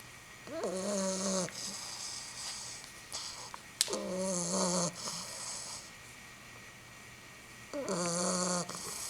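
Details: A pit bull puppy, asleep and tired out after a long day of playing, gives droning, slightly whistling, hissy snores about 16–20 a minute with quiet pauses between them. This is ordinary snoring.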